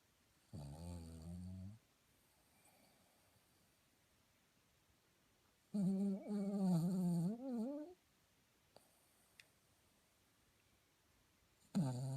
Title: Rosie our very cute Snoring dog.Spiritualstepladder.